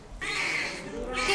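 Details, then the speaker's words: Newborn's first cry just after caesarean delivery, baby lifted out by doctors after a difficult labor, mother Trang moved to tears; brief high-pitched wail over operating room noise. "Các bạn có nghe thấy tiếng khóc chào đời của em bé chưa ạ Mẹ Trang đã nghe thấy và có vẻ đang rất xúc động rồi"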